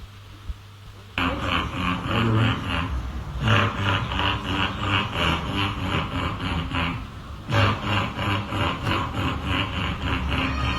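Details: Girl with a 3-month chronic cough not helped by inhaled or oral steroids, discussed as a possible psychogenic or functional cough: rapid runs of short, repeated voiced throat sounds that lack a true cough pattern, fitting a vocal tic.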